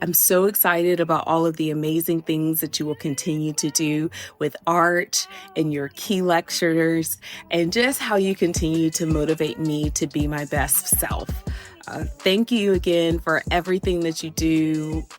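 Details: Adult woman speaking; typical speech.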